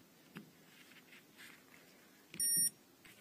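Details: Soft button clicks, then one short high-pitched electronic beep from a Medtronic MiniMed insulin pump confirming a button press while the reservoir is placed and locked during setup.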